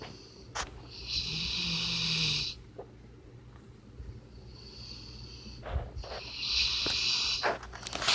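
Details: Sleeping puppy snoring like a person: two long, high-pitched, whistling snores with faint snuffles between them.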